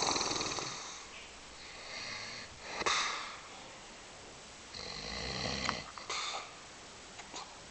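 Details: An elderly man (grandpa) sleeping gives loud, harsh, rattling snores with each breath, quieter pauses between, against faint room noise: heavy snoring.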